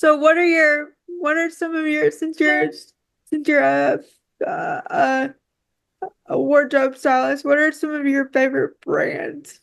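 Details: Woman with quadriplegic cerebral palsy affecting her whole body, whose speech leads viewers to ask if she is crying; frequent word and phrase repetitions; dysarthria (cerebral palsy).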